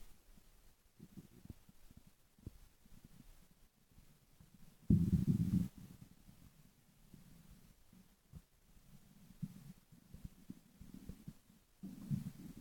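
Faint low gurgles and clicks with a couple of short louder rumbles in a quiet room; ordinary stomach growling.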